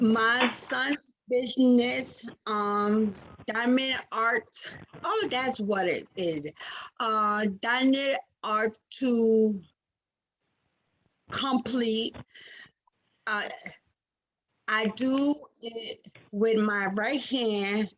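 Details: Aphasia after stroke in a 47-year-old woman, a nurse whose stroke in February 2019 struck suddenly at work and left her unable to speak; recorded in June 2021, about two years after onset.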